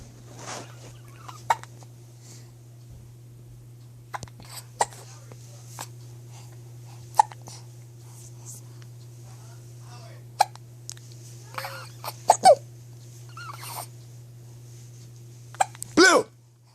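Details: Parker having recurrent hiccups: brief sharp catches repeating irregularly, about 17 a minute, over a steady low room hum; hiccups.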